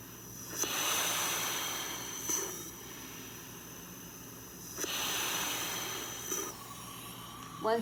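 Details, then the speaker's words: Student acting as the patient in a respiratory therapy check-off, breathing in and out through an EzPAP positive airway pressure device run at 5 liters. Steady airflow hiss with two slow breaths, each a few seconds. "ully but deep exhale into the machine and then breathe in through the machine and then breathe out through the machine"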